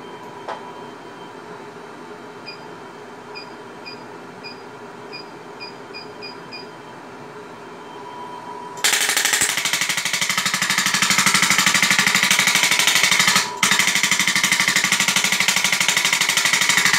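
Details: SW7 shockwave therapy (ESWT) machine used for cellulite treatment: quiet room hum with faint beeps, then a loud, fast, steady rattling hammering as the handpiece starts firing.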